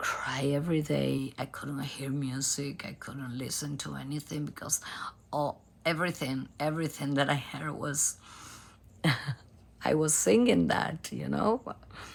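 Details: Adult female professional singer with abductor spasmodic dysphonia, a rare type in which spasms of the vocal cord muscles open the cords; diagnosed by nasal endoscopy; onset 2015; treated with Botox injections.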